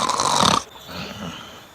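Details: Acted, simulated snore in a comedy sketch: a single loud, rough snore-like snort fading into quieter breathing noise.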